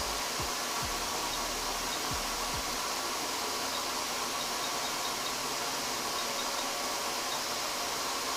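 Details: Steady loud hiss and blowing hum of a running smoke evacuator during an in-office fractionated CO2 laser resurfacing treatment for perioral lines around the mouth.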